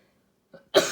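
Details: Single abrupt cough from a child, preceded by a faint throat sound and cut off at the end; coughing attributed to allergy season.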